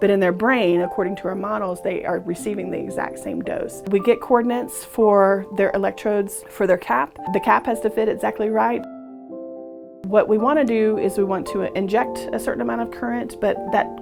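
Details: Adult speaker; normal speech.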